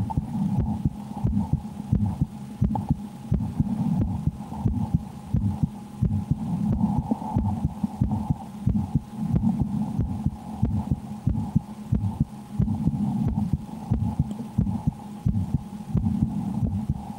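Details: Steady, regular heartbeat at about 90 beats per minute heard through a stethoscope over a low hum, recorded while the person plays the Slender horror game and reports extreme fear; normal heart sounds.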